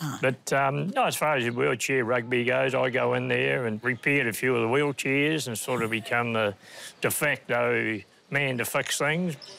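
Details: Adult male speaker; ordinary speech.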